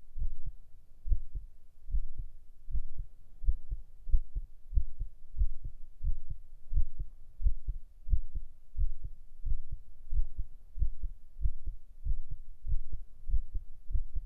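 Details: Binaural ASMR heart-sound recording for relaxation and sleep: steady, regular, low heart thumps at about 94 beats a minute, a normal heartbeat.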